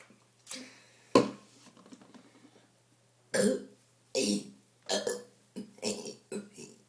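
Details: A kid doing a burp challenge after drinking gives a run of about six loud, voiced belches in quick succession; repeated burping.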